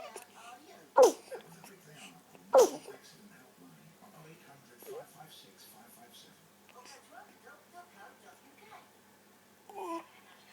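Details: Three-week-old baby sneezing: two sharp sneezes about a second and a half apart, followed by faint snuffling and small sounds in a quiet room.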